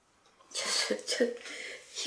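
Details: Single sneeze from a female named model: sudden airy burst with a short voiced catch after a quiet lead-in.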